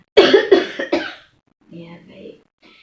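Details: Simulated nursing demonstration of effective cough with deep breathing and chest physiotherapy, adult female patient: breaths held two seconds, then three strong, forceful coughs in quick succession and quieter breathy sounds, clearing phlegm for a lab sputum sample.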